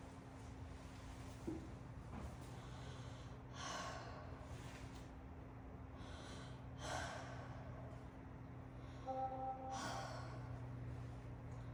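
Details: Soft, even airflow of deep mouth breathing over a low hum, 12-year-old boy sitting up straight during a respiratory assessment, breathing harder than normal through the mouth: clear, normal breath sounds.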